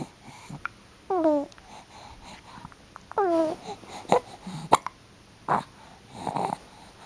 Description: 8 July 2010- We get the hiccups again.